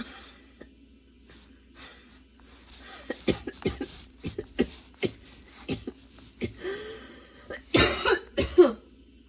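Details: Sudden-onset, unexpectedly long nonstop coughing fit that kept worsening, bringing tears and constant position changes: rapid run of about a dozen short, dry coughs with gasping breaths between; prolonged coughing fit.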